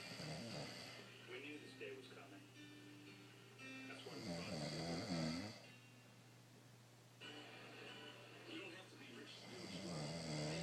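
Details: Ordinary snoring from a sleeping man who reportedly claims he doesn't snore: rough, rattling snores recurring slowly with music playing in the background.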